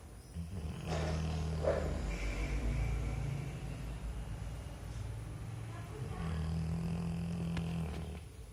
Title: Snoring Labrador